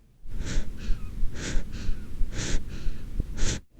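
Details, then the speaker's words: Rapid, noisy breaths measured at 60 a minute in an 8-month-old boy with a 2-day cough: fast breathing from pneumonia. "If we measure his breathing rate, we find that it is 60 breaths per minute. He is very sick and we must give him medicine because has pneumonia."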